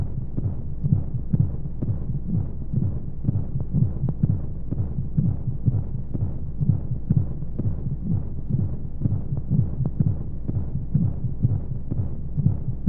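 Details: Womb-sound sleep aid for babies: steady low thumping heartbeat at about 125 beats a minute under a constant whooshing hum of flowing white noise, like a heartbeat heard from inside the womb.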